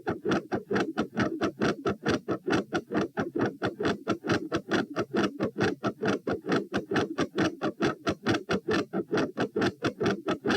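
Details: Heart sounds recorded at position P while standing, 132 bpm, during a reproduced symptom of feeling unwell and faint after 5–10 minutes standing: fast regular beat with a third heart sound, fixed split S2 and murmur; patterns change, go silent halfway, then resume increasingly louder.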